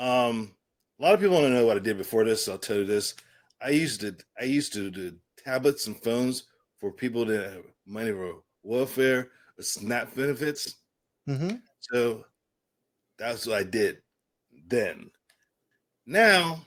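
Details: Adult man with aphasia following a stroke and traumatic brain injury, after a coma and later speech therapy; aphasia.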